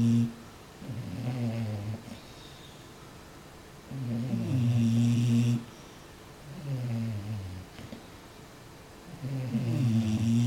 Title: Bulldogs snoring